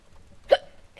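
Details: A gamer with an ongoing bout of hiccups while playing a video game gives a single sharp, brief voiced hiccup against a quiet background: an involuntary diaphragm spasm.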